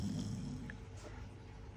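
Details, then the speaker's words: One-year-old Chow Chow dog snoring loudly while asleep, undisturbed by household noise; low rumbling snore, one drawn-out breath, faint room noise. "Lagi po malakas maghilig Pag natutulog kahit po Anong ingay namin natutulog siya na namin din ang kanyang paghilik lang po enjoy lang po kayo sa aming n boss na super"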